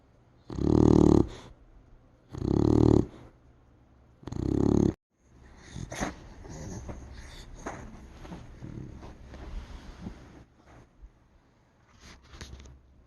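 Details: A Beagle sleeping on the couch, snoring: three loud, rough snoring breaths a couple of seconds apart, then quieter rustling and shuffling.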